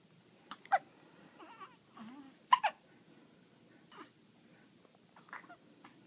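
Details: Hiccups in a small child: quiet, sharp little catches of breath recurring at irregular intervals, with soft vocal sounds between them.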